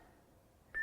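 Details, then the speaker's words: Training AED demonstration: after "Stay clear of patient" prompts, a sudden steady high electronic tone as the shock is delivered; AED shock delivery tone. "Make sure that there's nobody touching the patient. Deliver shock now. Press the orange. Shock delivered. Begin CPR."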